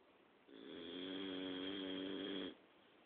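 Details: Dog snoring while asleep at night: one two-second snore, a steady tonal buzzing breath over quiet room noise.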